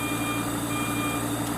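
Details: SERVO ventilator in volume control with tidal volume about 400: a rapid, repeating high airway pressure alarm tone over a steady machine hum, triggered when a cough makes the pressure spike.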